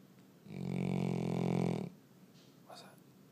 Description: Dog snores louder than car horn